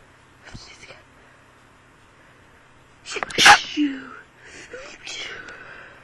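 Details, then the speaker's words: Hay-fever sneezing: quiet intake, then a loud sharp sneeze with a brief vocal tail; sneezing. "his basically I have to sneeze I know be sneezing a lot"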